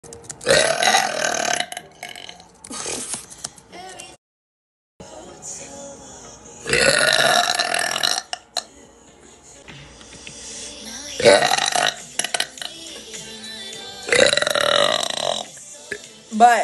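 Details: Girl burping during a live stream: several long, loud, rumbling belches with short pauses between them, with faint background music.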